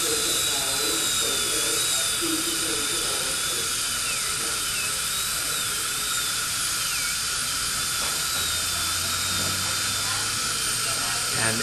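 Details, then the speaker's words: High-speed dental drill gives a continuous high-pitched whine with small pitch dips under load as the bur cuts residual gold post, guided by feel, during post-and-core removal from a bridge abutment; the post seems to start loosening. "as before my goal is to feel the resistance of the gold at the tip of the Burr and to maintain the proper position both media distally and facial powers"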